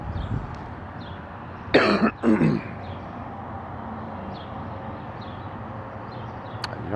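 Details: Man playing correspondence chess in the morning, coughing repeatedly during the session: two short, dry coughs close together over steady street noise; cough.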